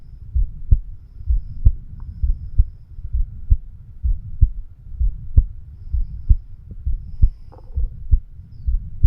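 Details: A 36-year-old male's own heartbeat, recorded with a homemade microphone stethoscope over the bicuspid (mitral) valve area. Steady low thumping at about 65 per minute over a constant low hum, regular rhythm; normal heart sounds.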